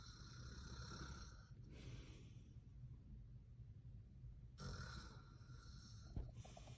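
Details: Low, rough rattling breaths on inhaling with quiet gaps between; ordinary loud snoring from an adult man (father) during sleep.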